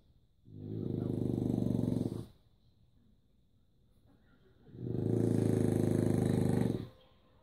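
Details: French Bulldog snoring like a pig: two loud, rattling snores on breathing in, about seven seconds apart, with quiet breathing between; loud snoring in a flat-faced dog.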